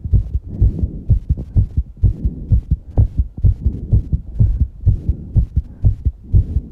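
Rapid, regular lub-dub heart sounds at about 120 beats a minute: a fast heartbeat after exercise, a normal response to exertion.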